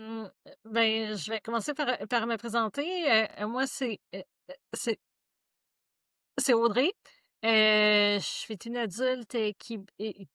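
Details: Woman, a member and board member of a stuttering association, who speaks of her own stuttering; stuttering.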